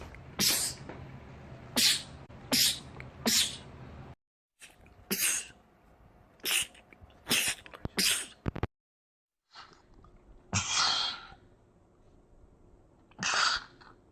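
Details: Male, from a compilation of rapid sneezing attacks in men: about ten short, sharp sneezes in quick runs with brief breaks; rapid repeated sneezing.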